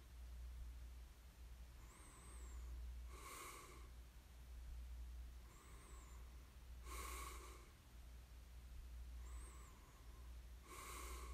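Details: Snoring ASMR recording of a sleeper: slow, regular breathing about ten breaths a minute, a rough fluttering snore on each breath and a faint whistle, over a steady background hum.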